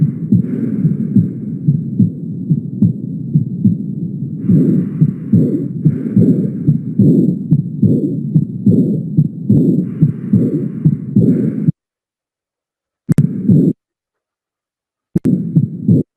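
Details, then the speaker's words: Aortic regurgitation auscultated at the aortic focus and Erb's point, where intensity increases: low, muffled heartbeats with a soft blowing diastolic decrescendo murmur filling the pause after each beat. "entonces tanto en el foco aórtico como en el foco de er ambos registran mejor la válvula aórtica por eso notaron que aumentó la intensidad del soplo en este lugar sí"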